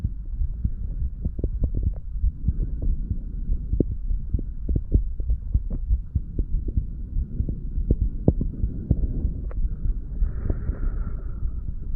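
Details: 35-year-old male, standing, self-recorded through a stethoscope over the mitral, tricuspid, pulmonary and aortic areas and the right ventricle area. Soft low thumps of about 95 per minute under a steady hum. Normal heart sounds.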